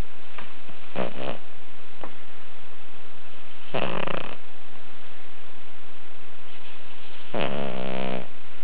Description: My pug Lyla in a very deep, twitchy, eyes half-open sleep; turn up your volume for some serious snoring action.